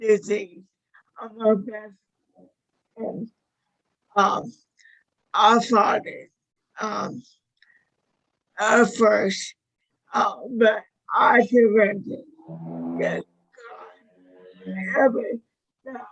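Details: 61-year-old woman with motor neuron disease diagnosed five years earlier, with a 2–5 year prognosis at diagnosis; slurred speech was an early symptom with falls and weight loss, and severity varies day to day; managed with a carnivore diet; dysarthria.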